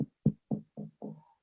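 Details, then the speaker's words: Chest percussion demonstrated in a teaching talk on blunt chest trauma: resonant note, indicating a full, expanding lung, contrasted with stony dull (fluid/blood) and hyperresonant (pneumothorax). "is percussion. That's resonant. I know my lung is full and expanding."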